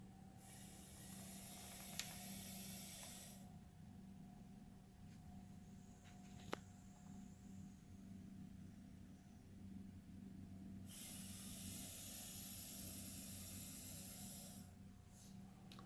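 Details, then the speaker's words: Slow, loud, drawn-out hissing labored breaths from a gravid female reticulated python about 30 days after her pre-lay shed, attributed by the owner to being swollen with eggs. "if you could hear that it's just um you know I guess it's labored breathing due to the fact that she's so swollen and everything"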